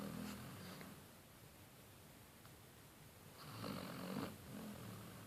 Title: Snoring Lazy Basset Hound